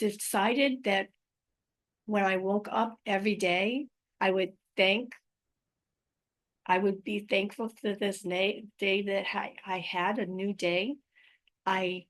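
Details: Adult woman with aphasia, apraxia of speech and dysarthria following a stroke in May 2019, describing her own ongoing communication challenges; aphasia with apraxia of speech and dysarthria.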